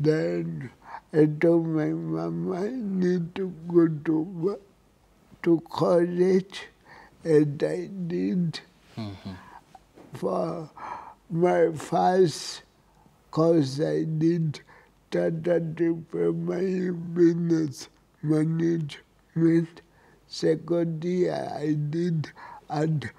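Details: Dysarthria in an adult with cerebral palsy.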